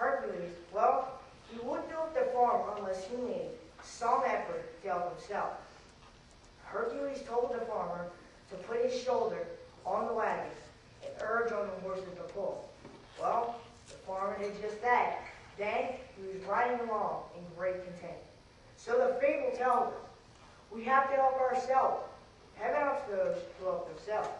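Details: Dysarthric speech in a 14-year-old boy with cerebral palsy from very premature birth (13 weeks early) with lack of oxygen to the brain; doctors said he would never talk; he has had speech therapy.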